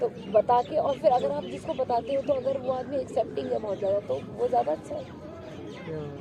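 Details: Adult woman; typical speech.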